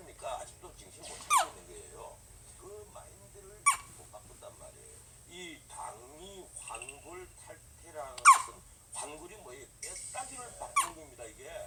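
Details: Newborn baby's hiccups: four sharp, squeaky hiccups about every 2–3 seconds, with soft vocal sounds between them.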